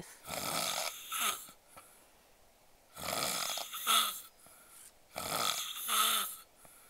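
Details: Adult man sleeping face-up after drinking alcohol, snoring heavily: loud, harsh, rattling snores with a rough tonal edge on each breath, about 25 a minute, in a quiet room.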